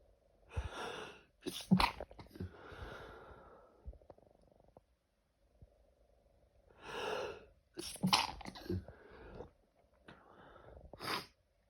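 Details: A sneezing fit during allergy season: two bouts of sneezing, each with a sharp drawn-in breath before the explosive sneeze, three or four sneezes in all.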